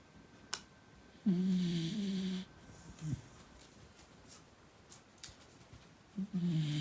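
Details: Snoring from a sleeping beagle puppy.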